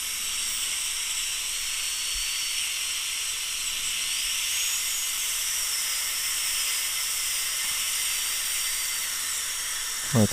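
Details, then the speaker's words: High-speed dental drill with a thick bur lightly smoothing ridges on enamel during 3/4 porcelain veneer/crown preparation of tooth #8 in a deep overbite case; steady high-pitched hiss with faint shifting whine. "so let's take this and just lightly prep and get rid of the ridges so no ridges"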